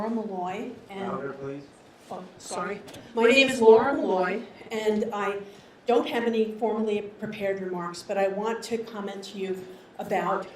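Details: Adult woman speaking; normal voice.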